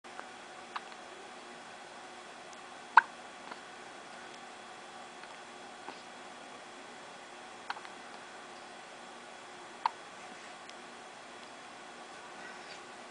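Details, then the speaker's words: Soft, sharp hiccup clicks recurring every few seconds, about five over thirteen seconds, from an infant girl described as 10 days old, though also stated as about 5 weeks old, sitting in the sun with her mother; she gets hiccups daily. Newborn hiccups. "is 10 days old today. And she's got the hiccups again."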